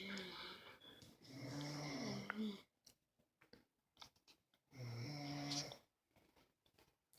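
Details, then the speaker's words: Snoring sound, described as a bear snoring. "I did over here it's a bear snoring"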